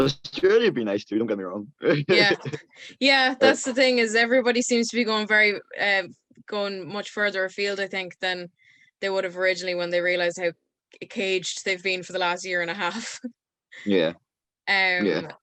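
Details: Adult speaker (host); Normal speech.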